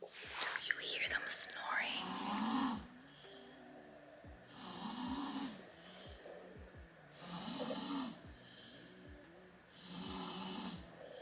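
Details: Soft, regular snoring from sleeping children knocked out after a busy Thanksgiving day, about 12 to 13 breaths a minute, with a brief whisper at the start.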